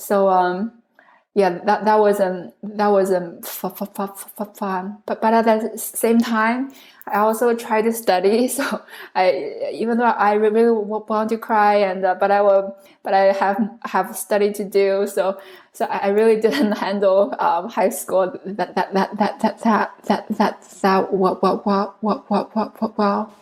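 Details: Adult woman who stutters, originally from China, speaking English, with many word repetitions; stuttering.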